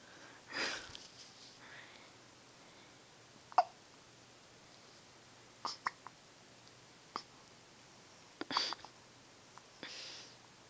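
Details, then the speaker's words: A little boy with persistent hiccups that nothing relieved: brief sharp catches recurring irregularly, with a couple of soft sneeze-like bursts. "I the hiccups a how did Mama help a hiccups they we tried everything they just still there sad"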